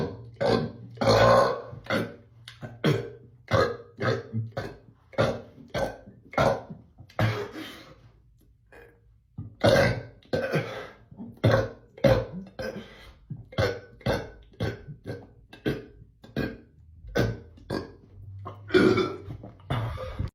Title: Attempt #1 at the most burps in 30 seconds current record is 54